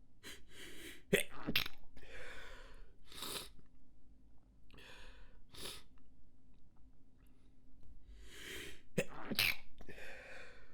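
Several muffled, suppressed sneeze bursts with sharp breathy releases and sniffing between; stifled sneezes.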